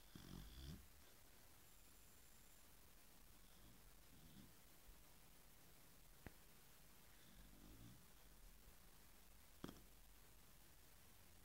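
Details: Chow chow dog sleeping and snoring very loudly after a whole afternoon of playing; owner says she can't breathe well and will look after her nose. Soft, low rumbling snores about every three to four seconds over quiet room noise.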